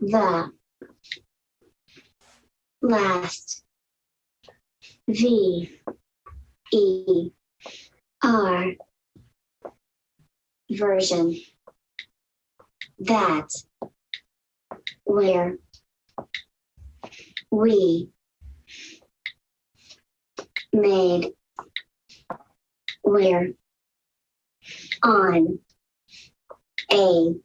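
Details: Dysarthria in an adult woman with mixed cerebral palsy since birth who also uses AAC, speaking with her own voice.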